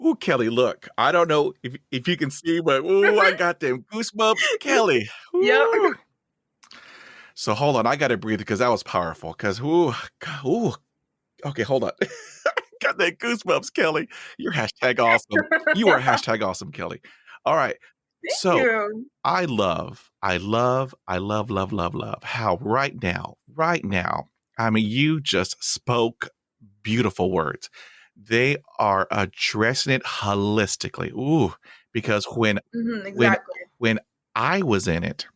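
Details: Adult male host of a podcast by and for people who stutter, introducing a guest; an audible part-word or word repetition; stuttering.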